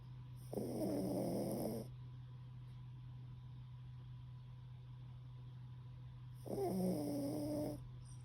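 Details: Pomeranian rescue dog, tired after a walk and bath, snoring while asleep with chin resting on owner's foot: two long, low, rattling snores about six seconds apart over steady hum.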